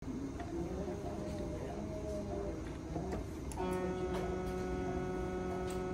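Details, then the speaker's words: Phaco machine during cataract surgery irrigation-aspiration with an I/A probe: steady hum shifts to a sustained tonal sound as reflux mode reverses the peristaltic pump to release posterior capsule caught in the suction port. "that's the sound of reflux on route right here release it and back to normal"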